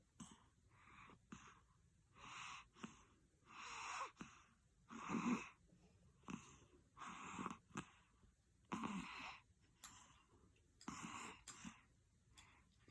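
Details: Baby, held on lap for feeding, falls asleep with eyes open and snores: regular noisy breaths about 14 a minute, each with a rough, whistling snore on the in-breath; snoring.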